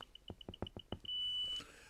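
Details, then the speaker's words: Apomorphine infusion pump for Parkinson's, line primed by pressing the button marked D and P until a drop appears; rapid run of short high beeps with faint clicks, then one long steady tone: pump priming beeps. "so to do that I use the button on the left that's marked D and P so I press that"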